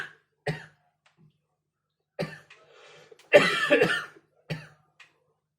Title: Coughing 20240626 01:47